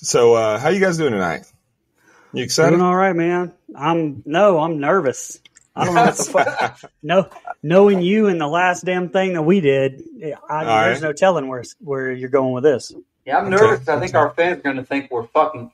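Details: Adult men talking; ordinary conversational speech.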